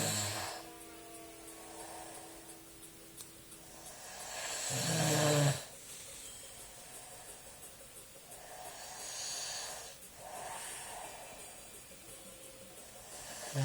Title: dad snoring hella loudly -_- wtf